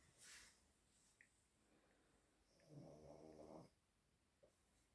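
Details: Sleeping pet (dog or cat) snoring while another animal washes itself nearby: one rough, fluttering snore lasting about a second, with faint licking and rustling sounds; snoring.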